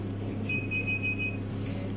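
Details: Picosecond laser tattoo removal machine during setup while treatment parameters such as aiming-beam intensity, energy, spot size and pulse rate are selected: a short, high electronic beep over a steady low hum.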